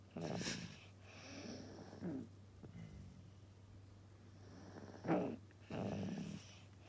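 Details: Child snoring: soft, rough snorting breaths in a quiet room with a steady low hum.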